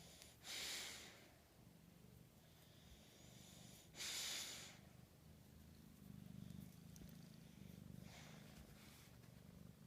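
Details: Flat-nosed bully dog asleep after a big meal, hard to wake: quiet, irregular breathy snorts with soft rumbling snores between them, about 17 a minute; snoring.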